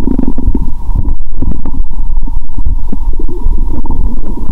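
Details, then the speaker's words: Stethoscope on the abdomen after eating many Mentos with cola, belly swelling and painful: loud, continuous gurgling and bubbling; active bowel sounds. "Tôi đã ăn rất nhiều Mentos, vì vậy tôi có thể nghe thấy tiếng bong bóng trong dạ dày của tôi! !!"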